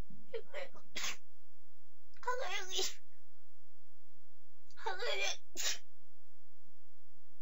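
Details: Japanese girl on a live stream: several short bursts, each a quick sharp intake then an explosive sneeze, about three to four times; a bout of sneezing.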